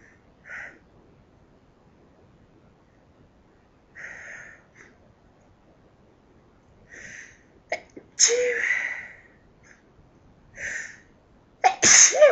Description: Loud sneezes from me....... dust in my house got me sneezing like crazy